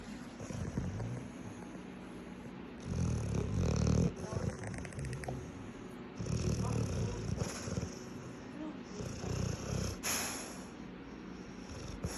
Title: Snoring Dog